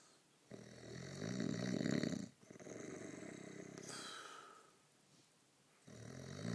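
Loud, rough, rattling snores on long drawn breaths during sleep, with a fluttering vibration on each breath.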